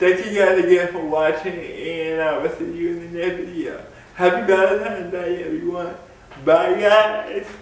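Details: Speech in an adult man with cerebral palsy; the cerebral palsy is named, but no speech disorder is named.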